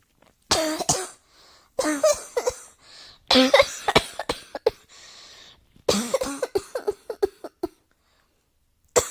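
Four bouts of harsh coughing, each several quick coughs in a row, in a quiet room.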